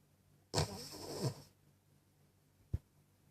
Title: Cavalier King Charles Snoring